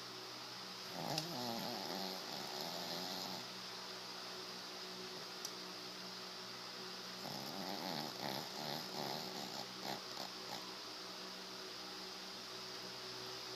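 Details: Sleeping dog snoring, hog-like: two spells of rough, fluttering snores separated by quieter breathing over a steady background hum.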